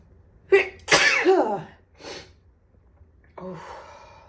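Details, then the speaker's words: Dust-allergy sneezing after waking from a nap, with a headache and watering eyes: a sharp intake of breath, then a loud explosive sneeze, a softer follow-up burst and a breath out. "Oh, wow. Bless me. Oh. Whew. These are strong today. How to sneeze. My eyes are watering."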